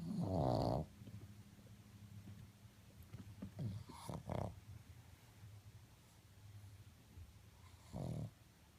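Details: Sleeping pug, a flat-faced dog, snoring: a loud snorting snore at the start, then softer snuffling breaths and another snore near the end.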